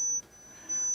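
A steady, thin, very high-pitched pure tone, a hearing-test tone played loudly during pure-tone audiometry, with faint room noise.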